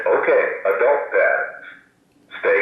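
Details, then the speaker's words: New AED switched on for a test, giving recorded voice prompts: stay calm, check responsiveness, call for help, apply defib pads to patient, with step-by-step instructions showing the unit works. "the audio voice tells us def pads to Patient their test that the AED is okay and it tells us what to do"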